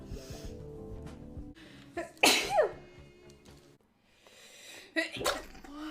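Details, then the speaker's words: Young woman sneezing so powerfully her headset flew off: two forceful sneezes, the first preceded by a quick intake of breath, over faint background music; sneezing. "oh my headset flew off my sneeze was so powerful yeah it's good right"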